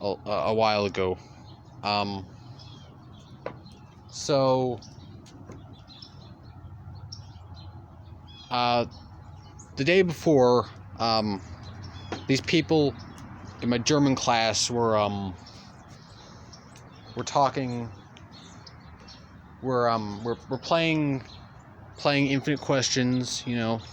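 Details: Stuttering in a male speaker who stutters throughout continuous storytelling.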